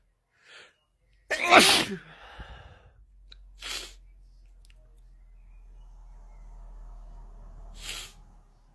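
A loud, forceful sneeze followed by two shorter, sharp sneeze-like bursts in a quiet room.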